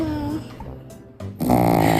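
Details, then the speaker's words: A Shih Tzu dog snoring, and a 3-year-old daughter asks if Mom snores like this; snoring. "ママこんな感じ？ママこんないびきかいってこと？"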